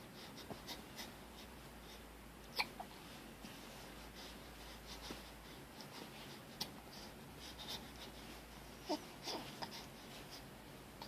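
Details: Infant with hiccups: brief, quiet hiccup sounds recurring every second or few seconds against soft room noise.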